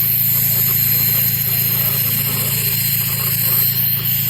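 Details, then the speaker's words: Continuous hissing air spray with a steady low hum and fast faint clicking: a YSGG laser with water performing fractional laser skin resurfacing, laying down microchannels evenly, recorded live during the procedure. "what you were hearing is that airspray and that click click click that's the laser and that's the fractional part of the laser skin resurfacing as it's putting down these microchannels very evenly"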